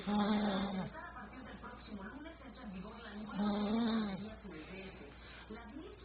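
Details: Person snoring while wearing a crown: low, buzzing snores on the in-breath, about one every three seconds, with quieter breathing between them; snoring.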